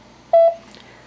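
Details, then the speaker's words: Zoll X Series monitor pulse rate tone during an SpO2 pulse oximetry demonstration: a short electronic beep marking each detected pulse, used to listen to heart rate in severe patients. "next we have the the heart rate or pulse rate tone which allows you to listen to the heart rate which is good when you have a a severe patient that you want to monitor really"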